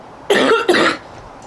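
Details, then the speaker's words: Two harsh, forceful coughs in quick succession from a girl during a breathless coughing fit, saying she coughed up "half my lung"; cough. "Okay. I'm really going to go inside now and clean my house now that I'm mine. Coughed up like half of my lung."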